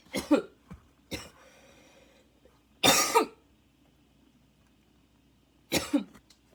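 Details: Second coughing fit minutes after the first, lungs struggling and inhaler badly needed: four harsh barking cough bursts, some in quick pairs, with a faint wheezing whistle after one.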